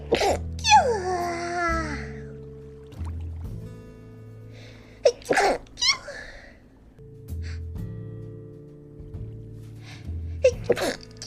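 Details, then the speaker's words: Several short, sharp sneeze bursts with gasps between them, over steady background music; sneezing. "すごいくしゃみ出るやん。"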